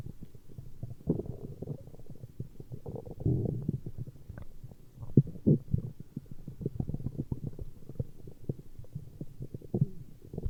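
Low rumbling and gurgling with soft irregular pops throughout, typical of ordinary stomach growling from gas and fluid moving through the gut.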